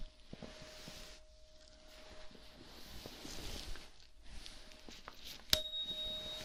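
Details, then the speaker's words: Simulated ASMR cranial nerve exam roleplay: a struck tuning fork placed on the nose, then tested ear by ear for when the noise stops, rings with a steady pure tone that fades; tuning fork tone. "i'm going to hit it and place it on your nose and you make sure that you hear it on both sides equally okay now close your eyes close your eyes and tell me which ear you hear it on okay now i'm going to hit it and you tell me when the noise stops in this ear first"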